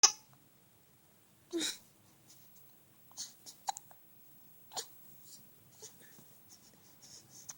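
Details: Boy getting mad at his hiccups: brief soft catches of breath recur irregularly in a quiet room, with small fussy sounds.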